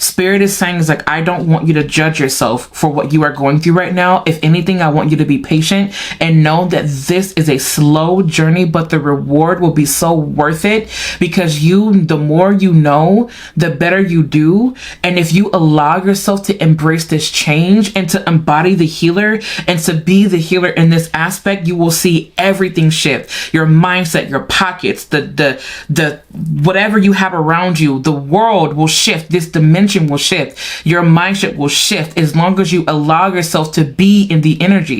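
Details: Stuttering with word repetitions in a female speaker, who says she stutters at times because her mind moves faster than her mouth can keep up.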